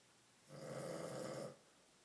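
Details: Sleeping dog snoring like a grown man: one drawn-out, rattling inspiratory snore lasting about a second in a quiet room.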